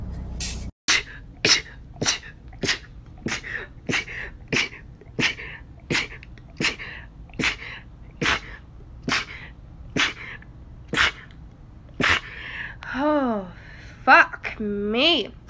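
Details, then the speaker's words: Rapid run of about fourteen short, sharp sneezes in quick succession, followed by high squealing vocal sounds; person's habitual sneezes, usually about six in a row, record 37. "hi yes it's hard to believe but those are my normal sneezes no I have no idea why or how but it's completely normal and yeah um my average is like six times in a row"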